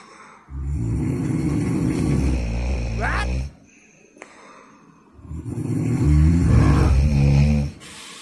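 Two long, loud, rough fluttering breaths with a pause between; heavy snoring.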